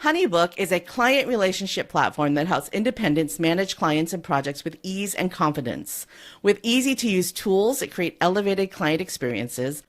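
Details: Adult woman speaking; normal speech.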